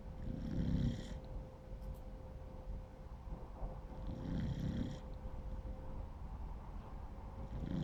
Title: Beagle puppy sleeping - snoring